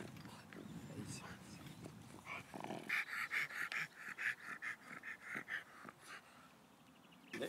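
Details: A dog, likely a flat-nosed breed with narrow nostrils and possible secondary airway changes, pants rapidly with a harsh, noisy rasp on each breath, about three breaths a second, faint talk nearby: stertor from a narrowed upper airway.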